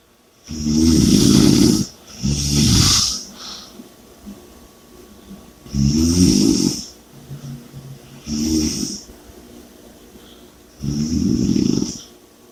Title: Snoring & Heavy Breathing (Audio)